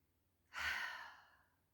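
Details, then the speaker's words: Huff breathing exercise (forced expiration technique) in a group breathing and strength class: short inhale, then one long, breathy forced exhalation through an open throat, fading gradually, forced out rather than blown like a candle. "So inhale, so short inhale, and then a long huff sound out. So you're kind of forcing it out, rather than kind of blowing out a candle."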